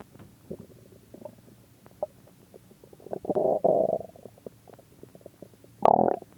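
Gurgling and bubbling from the gut, with louder rumbling stretches and a final loud gurgle: ordinary stomach growling.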